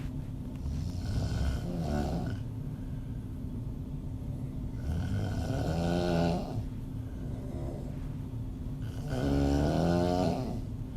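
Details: Adult female snoring with open mouth during sleep, audio only: three rough, rattling snores on inspiration about four seconds apart over low room hum.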